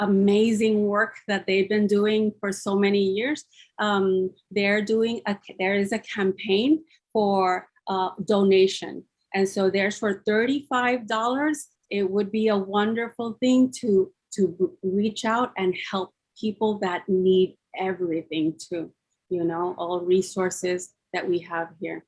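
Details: Aphasia in a woman after a massive double stroke, ischemic and hemorrhagic, 10 years earlier; she has now recovered enough to speak.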